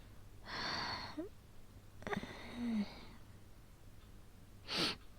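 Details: Cough during a real asthma attack, acted and somewhat exaggerated as a voice roleplay: breathy gasps, a few coughs and a strained, wheezy breath with groaning, before asking for an inhaler.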